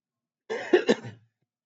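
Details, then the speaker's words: Cough from an adult male teacher who says he is feeling unwell: a single short cough of two or three quick bursts, partly like a throat clear, in a quiet room. "अच्छा बचाऊंगा, थोड़ी तबियत सही नहीं है।"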